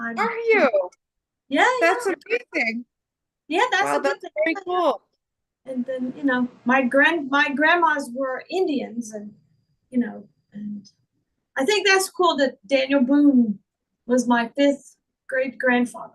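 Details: Woman with real foreign accent syndrome, speaking in her own voice; she also reports trouble remembering words, reading and saying big words.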